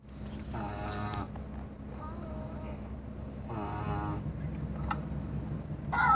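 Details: Rhythmic rattling snores on each breath, about three in six seconds, over steady room hum. Ordinary snoring.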